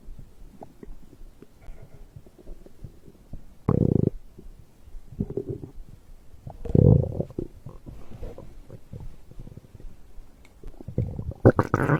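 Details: Stomach growl after drinking a beverage: low gurgling and rumbling bursts from the abdomen, ordinary digestion bowel sounds.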